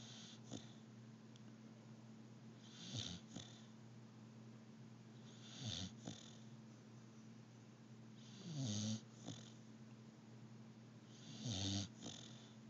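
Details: Sleeping pit bull dog snoring: soft snorting snores, about five over twelve seconds, each a rough inward rattle, with a steady low hum behind.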